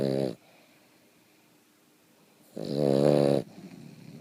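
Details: Sleeping Boston terrier snoring: two buzzing, rumbling snores separated by a quiet pause of about two seconds.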